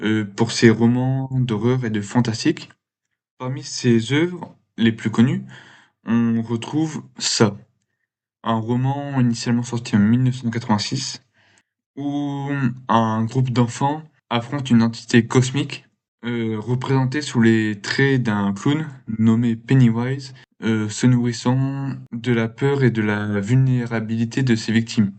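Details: Man who has stuttered since he began to speak; stuttering.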